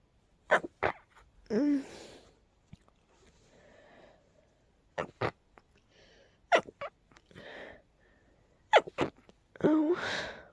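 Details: Person with a very tickly nose trying hard to stifle sneezes: several short, muffled, breathy bursts with soft inhaled catches between; stifled sneezing.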